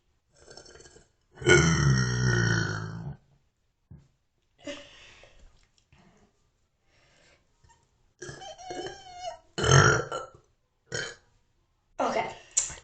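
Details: A long, loud, low, croaking belch followed by several shorter burps in a quiet room; burping.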